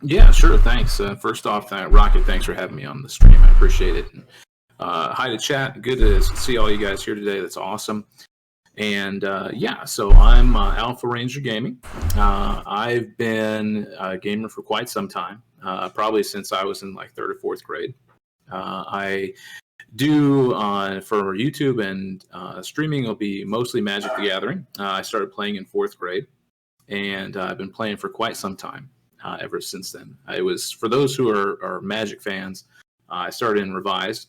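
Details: Adult male speaker; normal speech.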